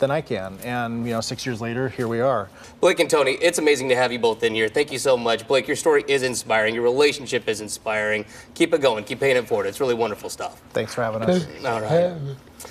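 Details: Adult speakers in conversation; Typical adult speech.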